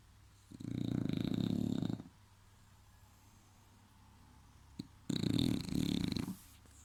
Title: Snoring English Buldog